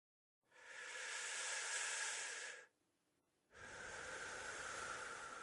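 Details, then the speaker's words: Smoker in an educational teen video, described as having emphysema, demonstrates laboured breathing: two long, noisy, hissing breaths, a drawn-out breath out then in, imitating emphysema-related breathing difficulty. "if you listen carefully you'll be able to hear how bad my breathing"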